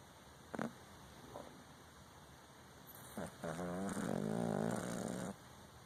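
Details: A snoring Exotic Shorthair Persian cat: a few short snorts, then one long, buzzing, voiced snore over a steady background hum.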